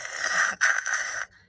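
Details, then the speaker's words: Adult imitating a female patient's mild cough, her only symptom; lungs clear, no fever, on cough medicine and an antibiotic: two soft, breathy, barely-there cough-like huffs. "So the only symptom that she has is this little cough. And it sounds like this."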